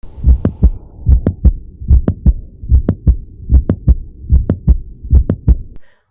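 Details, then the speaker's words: Paediatric cardiology teaching example of a mid-systolic click heard at the apex, usually reflecting mitral valve prolapse: regular heartbeat about 75 a minute with a sharp click between S1 and S2. "Mid-systolic clicks are heard at the apex and usually reflect mitral valve prolapse."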